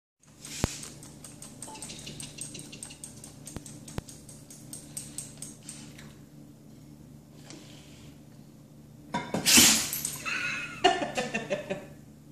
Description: Siberian Husky Scratch and sneeze